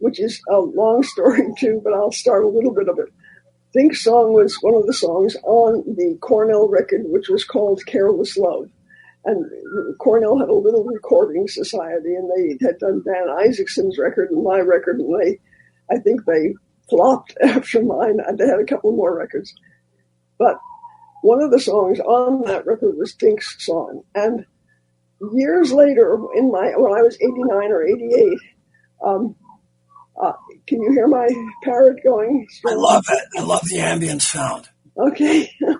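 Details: Elderly former singer who recently lost one vocal fold, not caused by the polio they had in 1948; voice changed from their singing voice; dysphonia after loss of one vocal fold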